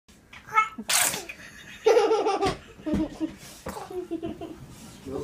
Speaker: come on you got gonna sneeze sneeze it out